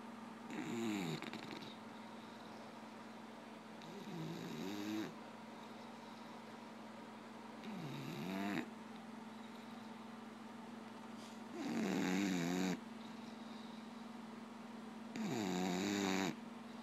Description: Watch this lazy dog snore